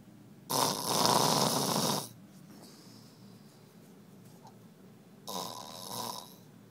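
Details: Man snoring as he falls asleep after a long night at a casino: loud rasping inhaled snores about 1.5 seconds long, separated by quiet pauses of about three seconds; snoring.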